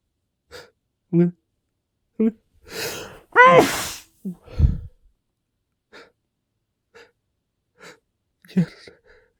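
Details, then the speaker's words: Male sneezing, the end of a short fit he tried and failed to muffle in his sleeve: quick inward catches of breath build up to two loud sneezes muffled into the sleeve, then quiet breathing. "Okay. I'm gonna sneeze. I'm gonna."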